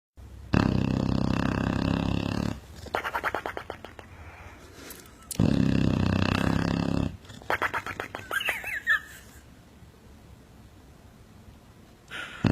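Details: Sleeping dog snoring: two long, loud, low rumbling snores with quieter fluttering breaths between them.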